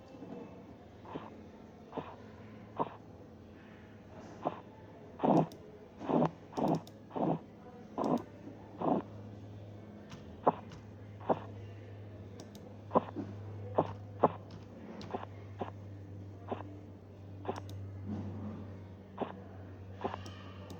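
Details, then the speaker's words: Irregular Korotkoff sounds (arrhythmia) during blood pressure measurement: systolic 182, sounds disappear at 170 then reappear, finally disappearing at 116. "notaron que en 170 desaparecieron los ruidos pero volvieron a aparecer luego hasta 116 donde desapareció la presión"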